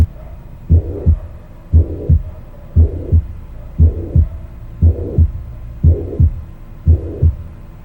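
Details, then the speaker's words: Teaching example heard at the aortic focus: steady heartbeat near 58 a minute with a soft, decrescendo, blowing (aspirative) sound after the second heart sound; diastolic murmur of aortic regurgitation. "Es un soplo que es diastólico, como ya les mencioné, y va a ir en decreciendo. Y su timbre va a ser aspirativo."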